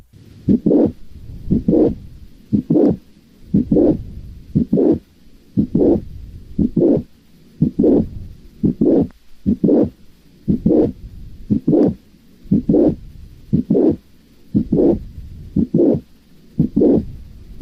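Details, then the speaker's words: Mitral valve prolapse, recommended with headphones: regular heartbeat near 59 per minute with a mid-systolic click followed by a murmur that grows louder late in systole (late systolic murmur) from ventricle-to-left-atrium leak. "es un soplo que suele terminar más intenso al final de la fase sistólica por lo cual se considera un soplo tele sistólica vamos a escuchar el soplo del prolapso válvula mitral también es recomendable que lo escuchen con audífonos"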